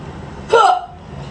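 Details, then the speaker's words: Person with a persistent bad case of hiccups that won't go away, holding breath not helping: a single abrupt, involuntary voiced gulping catch against low room noise, a hiccup. "hey it's Thursday and I have a really bad case of the hiccups and I can't get rid of them they just won't go away and I don't know what to do"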